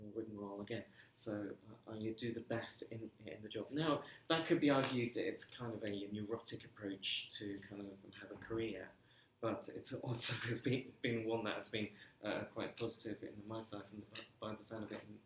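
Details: Stuttering in an adult man who says he has been "breaking up" on the phone for 30 years; stuttering.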